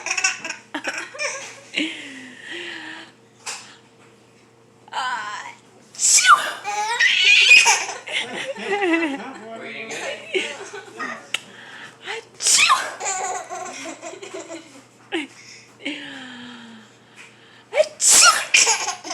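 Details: An adult sneezes several times in sharp bursts while a grandbaby laughs loudly in between; sneeze.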